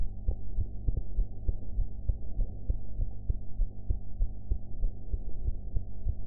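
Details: Own heartbeat recorded after eating, audio enhanced: regular low thumping at about 100 beats a minute under a steady hum; normal heart sounds, slightly fast.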